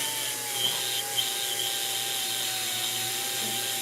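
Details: High-speed dental handpiece whine while preparing a maxillary central incisor for a PFM crown on a Kilgore typodont, removing internal micro-undercuts; steady high-pitched whine with brief scratchy touches as the bur cuts.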